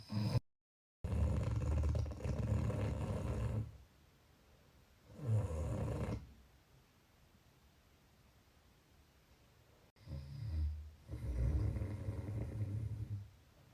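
Loud, deep rattling snores on long breaths, several in a row with quiet pauses between; heavy snoring.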